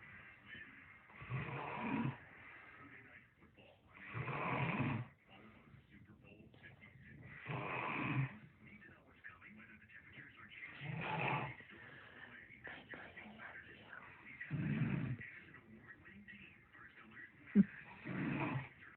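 Regular rasping snores on each breath in, about 18 breaths a minute, separated by quiet breathing out.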